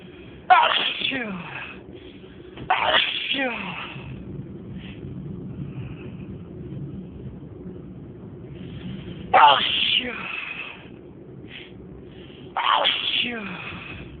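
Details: Person in a six-minute sneezing bout of more than 30 sneezes: four sharp, explosive sneezes, each with a quick intake before, separated by quiet breathing; repeated sneezing.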